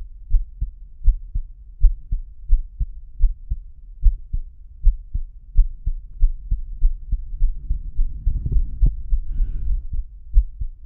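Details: Steady, regular low heartbeat thumps at about 80 beats a minute, recorded through a homemade stethoscope fitted with a lavalier microphone, with a faint hum and some rustle near the end; normal heartbeat.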